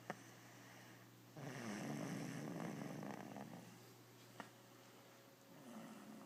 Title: Snoring little girl